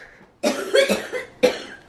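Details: A bout of several rough, wet-sounding coughs in quick succession, then one more cough, in a person with cystic fibrosis around the time of nebulizer medication, followed by a rough episode of throwing up.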